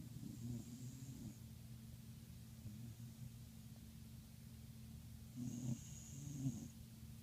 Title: Dog snoring